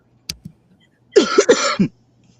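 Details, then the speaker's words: Adult, still sick with an affected voice, coughs during a live-streamed crochet book review. "I'm sorry about my voice. I'm still sick."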